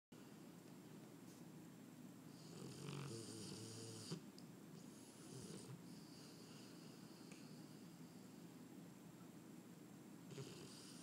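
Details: English Mastiff dog snoring while asleep: low, rumbling snores with rough breaths rising and falling in a quiet room.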